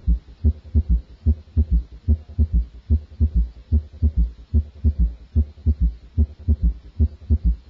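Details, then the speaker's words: Normal S3 in a child, heard at the apex with the child recumbent or lying on the left side; regular heartbeat about 73 a minute with a soft extra thud after the second sound. "the third heart sound S3 is a normal finding in children and young adults S3 is best heard over the Apex when the child is recumbent or lying on his left side listen now to a third heart sound"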